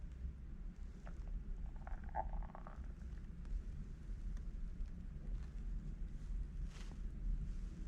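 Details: Low rumbling with a brief gurgle under steady low background noise; hunger stomach growling that happened unexpectedly while recording, ordinary borborygmi.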